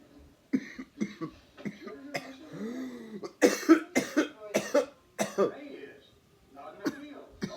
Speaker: I try to hold it in yo that that chipotle was spicy yo start coughing on camera